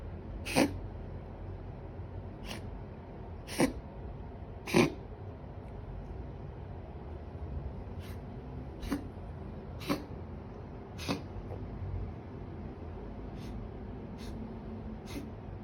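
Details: A cat gives about a dozen short, sharp coughs at irregular intervals in a quiet room; this is a cat cough.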